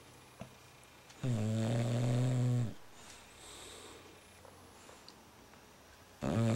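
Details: Deep, buzzing, tonal snores with a quiet breath between each, from a sleeping female bulldog; snoring.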